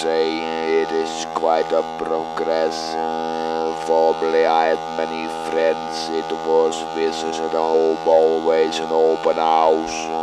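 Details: Adult man speaking with an artificial larynx; electrolarynx speech after laryngectomy.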